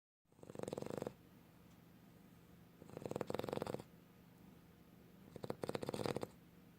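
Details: Snoring: three vibrating, rattling snores on each breath in, about every 2.5 seconds (near 24 breaths a minute), with quiet exhalations between.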